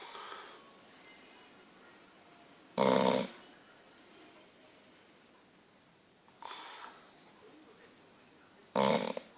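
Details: Short, loud, snorting snores from a sleeping dog (bulldog, staffie or yorkie), separated by several seconds of quiet breathing and room noise; snoring.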